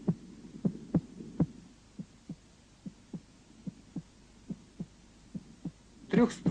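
Regular paired heart sounds at about 70 a minute over the tricuspid area, a normal finding.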